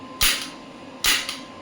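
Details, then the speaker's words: Two sharp hissing snaps about a second apart; an electromagnetic radial shockwave therapy applicator firing on a joint at 1 Hz and 5 millijoule starting energy during a demonstration. "Let's see, frequency is 1 Hz only, the starting one, and the energy is 5 millijoule."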